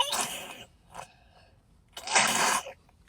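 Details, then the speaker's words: Two short, wet, harsh coughs from an infant boy, a brief pause between, while he is being given cough medicine that helps him clear his airway; a productive cough bringing up phlegm. "See, he just it all up. Good boy. Give me that. Good boy. Yeah. Good boy. Mhm. Mhm. It's okay. You're doing good. You got all that flim up."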